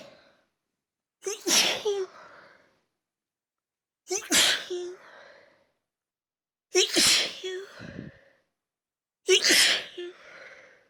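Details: Huge sneezing fit set off by taking chhinkni (snuff) after a long break: four forceful sneezes in quick succession, each a sharp intake of breath then an explosive burst; sneezing.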